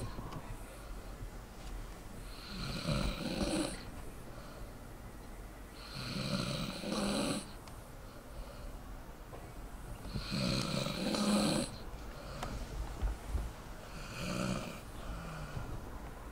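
Soft, rhythmic snuffling snores from a sleeping dog, with some room noise.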